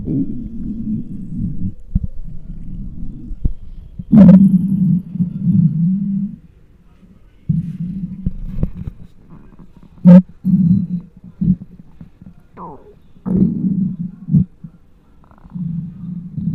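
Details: Irregular low rumbling and gurgling with occasional sharp squeaks and quiet pauses, recorded with a microphone on a very hungry adult's belly: borborygmi, normal empty-stomach hunger sounds.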